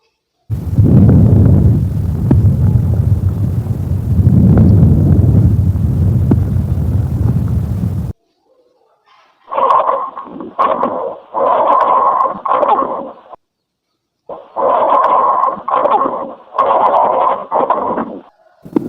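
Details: Stethoscope diaphragm auscultation at each point of an adult male patient's posterior thorax during deep breaths; soft, low rushing breath sounds with no added sounds; normal breath sounds.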